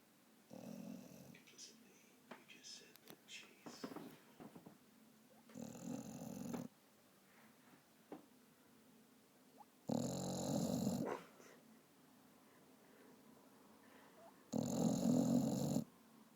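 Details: Vizsla dog snoring while asleep and dreaming, loud buzzing snores on breaths in roughly every four to five seconds, soft breathing between.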